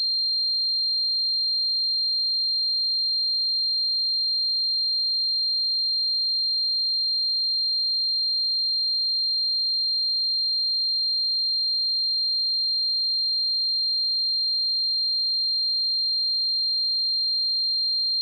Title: 🔊 Tinnitus Sound Effects: What It's Like to Suffer from Tinnitus